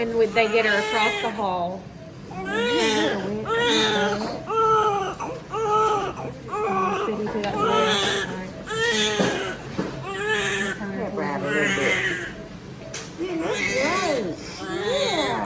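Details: Strong newborn cry just after delivery at a scheduled 39-week C-section, baby girl: repeated rising and falling wails with short breaths between.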